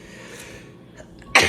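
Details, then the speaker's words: Adult who says certain shots make him stuffy and nasal and gives him sneeze attacks; quiet room late at night, then a sudden loud explosive sneeze. "These shots, I don't know what it is, but these shots make me stuffy, nasally, shit like that. One more for good measure. I get sneeze attacks."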